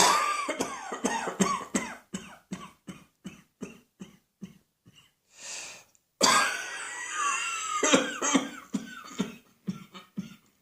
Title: Cross Dressing Coughing 99